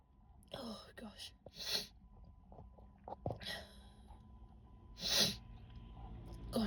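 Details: A run of sudden, sharp explosive sneezes, each with a breathy lead-in, in a quiet room; they came unexpectedly; sneezing.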